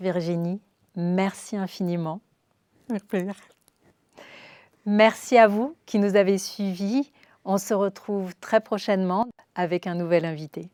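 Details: Adult woman speaking French; normal speech.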